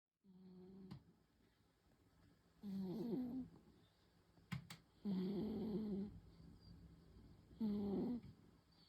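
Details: Female tabby cat napping in the afternoon, belly rising and falling, eyelids twitching. Soft, irregular snoring, about three short snores over nine seconds, in a quiet room.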